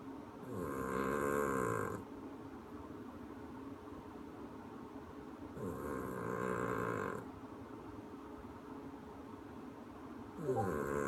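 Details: Loud, long rumbling snores on each breath, about three in eleven seconds, slow breathing rhythm during sleep; snoring.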